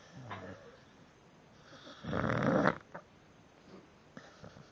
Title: Funny devil eyes dog snoring